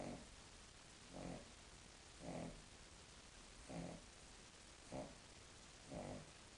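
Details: Soft, regular grunting snores about once a second from a sleeping female King Charles Spaniel; the owner says this is quiet for her usual snoring.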